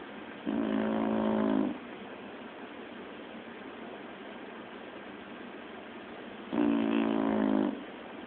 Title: Shilo snoring